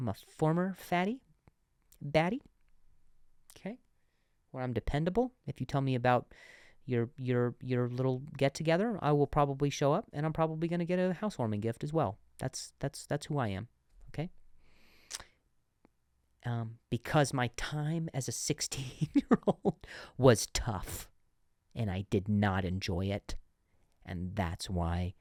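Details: Adult male comedian who has stuttered and still sometimes stutters: stuttering with audible word repetitions.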